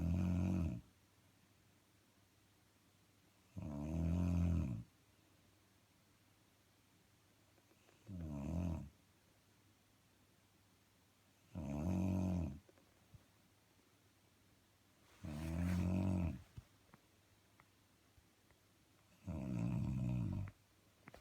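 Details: A woman snoring: loud low rumbling snores at regular intervals, about 15 per minute, with quiet between them.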